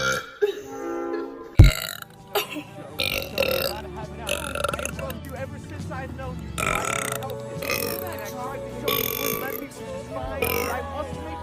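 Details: Daughter burping: loud, deep burps among background music and talking voices.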